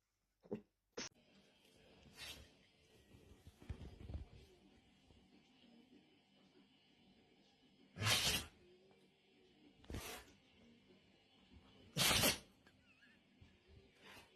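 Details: Dog giving about four sharp, forceful sneezes spaced a few seconds apart, with faint background music: sneezing.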